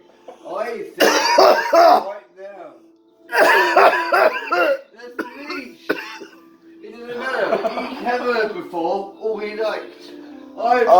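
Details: Person after inhaling a big bowl of cannabis smoke: repeated harsh, voiced coughs and strained gasping in a prolonged coughing fit.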